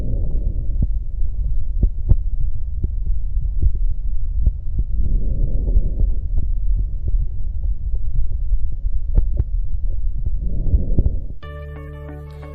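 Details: Chest and lung auscultation teaching recording with a stethoscope: two soft, low rustling breaths over steady rumble and faint taps, normal vesicular breath sounds, brief music at the end.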